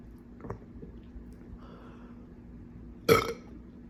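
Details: A faint swallow after a quick chug of a drink, then one loud, brief, rough belch: burping.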